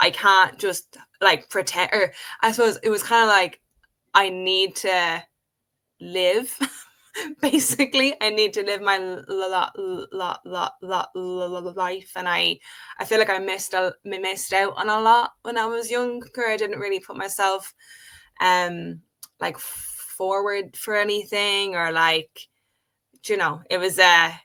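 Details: Adult woman who has stuttered since age five, speaking in a podcast conversation. Stuttering.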